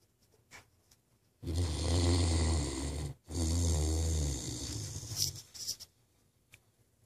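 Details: Great Dane named Ace snoring while asleep: two loud, deep, rattling snores on inhalation, each over a second long, followed by quieter breathing; likened to an old man snoring.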